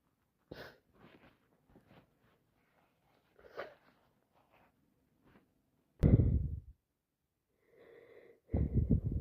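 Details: Acted, simulated head-cold scenario: soft sniffles and breathy build-ups, then two forceful sneezes near the end.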